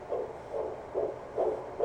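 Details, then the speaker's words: Mediana F10 home fetal Doppler used by a seated pregnant mother, baby girl found first try: rapid, regular whooshing fetal heartbeat at 143 beats per minute. "I found her first try so she doesn't like me putting a lot of pressure on her but she's at 143 beats per minute so that's pretty cool"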